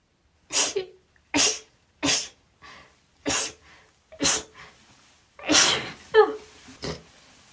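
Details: Female sneezing after trying the chhinkni sneeze trigger for the first time: a rapid run of about seven sharp, hissing, explosive sneezes in quick succession; repeated sneezing.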